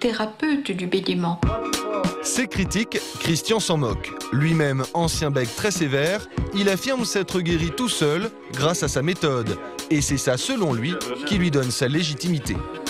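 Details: Adult male narrator; Fluent speech, no disorder.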